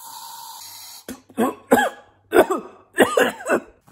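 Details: Acted comedic cough: about five voiced, throaty coughs after a brief steady hum, mimicking someone coughing nearby in 2020.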